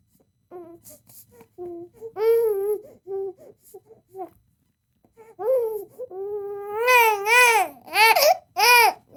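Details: Royalty-free crying baby sound effect: infant crying.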